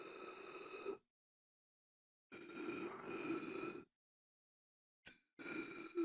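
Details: Sound-effect imitation of gasping for air: three long, strained, breathy voiced breaths separated by silence; simulated gasping, not a real patient.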